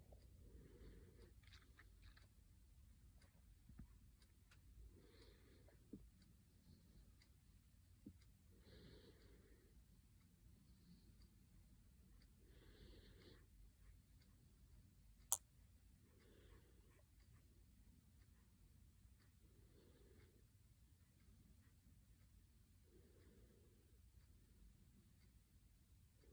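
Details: Snoring in a sleeping infant, possibly smiling in a dream: soft, rhythmic snoring noises at about sixteen a minute in a quiet room.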